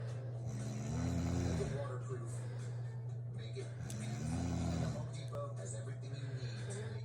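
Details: Adult woman snoring at 2 a.m., loud enough to wake her husband: low, droning snores in a slow rhythm with a television playing in the room; snoring.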